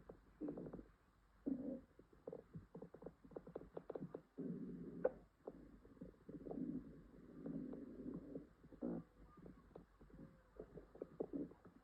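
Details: Female with an upset stomach, possible diarrhea and stomach ache: quiet, repeated gurgling and bubbling rumbles with short pops throughout, active bowel sounds (borborygmi), with farting.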